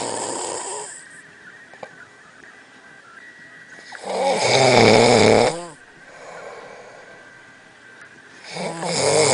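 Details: Snoring: loud fluttering snores with a rattling tone, one long snore in the middle and others at start and end; faint background tones.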